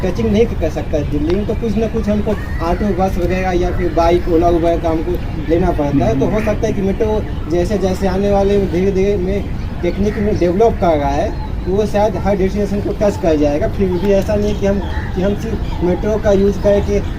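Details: Adult man who has stammered since childhood, first noticing it around ninth grade, speaking at a communication-skills group; stuttering.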